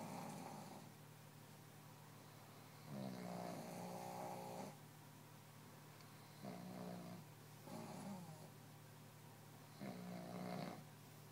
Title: Pug snoring competition